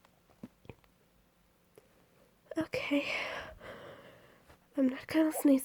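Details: Female trying unsuccessfully to hold back sneezes, some while talking: muffled, stifled sneezes with breathy catches and a final release.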